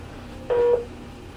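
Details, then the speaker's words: One short, steady electronic beep as a Philips MRx monitor/defibrillator is switched one click right from AED mode into monitor-only mode, in a demonstration. "if you're not going to go into 80d mode monitor only mode is one click to the right"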